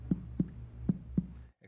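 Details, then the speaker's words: Abdominal exam training video: finger-on-finger percussion of the abdomen gives four crisp, low, hollow taps, a tympanic note (dull over solid organs and fluid); tympanic percussion note. "let's look at percussion now you'll be tapping one finger with the other here to make a sound it should sound"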